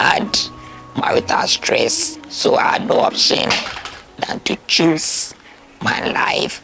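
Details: Alaryngeal speech after total laryngectomy in a Ghanaian woman with stage 4 throat cancer, diagnosed in 2021, whose voice box was removed after multiple surgeries.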